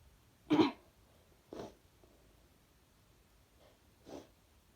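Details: Three short, forceful nasal bursts, the first loudest, from a female who says her nose is hardly sensitive and burns afterwards, in a quiet room; sneezing.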